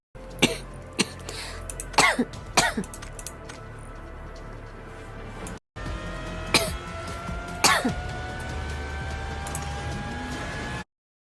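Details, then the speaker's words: A young woman with a cold coughs during a livestream: several sharp coughs and throat clearings in two bursts over steady room noise. "아 방제에가 적어 놔야겠다 감기에 또 걸려 버렸어요 감기네"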